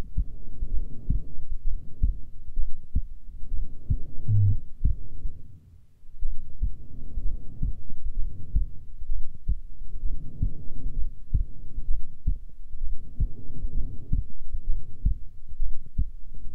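Steady, soft, low thumping heartbeat with a muffled, rushing quality; a resting heartbeat.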